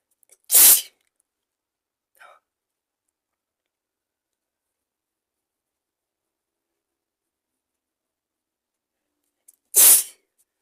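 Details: Induced sneezing: two sharp, explosive sneezes several seconds apart, separated by near silence.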